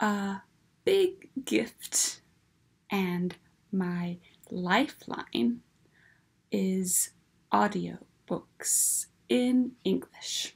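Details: Adult woman with aphasia and apraxia of speech, plus alexia, after a massive stroke in August 2015.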